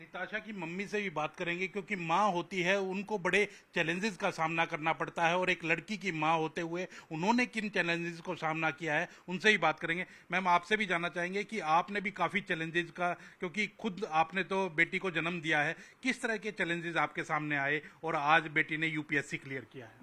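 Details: Adult reporter speaking Hindi; typical speech.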